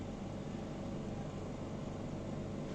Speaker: now we see that the machine is powered up and is ready for use this every cost concentrator this is a 5 liters per minute it delivers 5 liters per minute 90 plus 90 percent plus or minus three at five liters